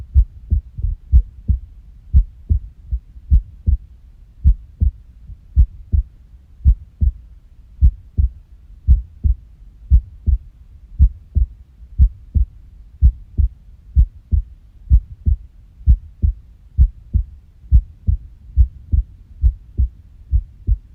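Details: Irregular heartbeat (arrhythmia): clear low heart thumps with uneven spacing, some close together and others after longer pauses.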